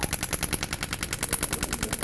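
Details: Dolorclast radial shockwave therapy on the Achilles tendon for Achilles tendinopathy, worked medially and laterally: rapid, even popping bursts about ten per second as the device fires.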